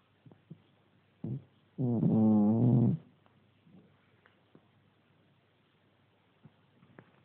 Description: My cat is snoring like an old man. Haha I got scared.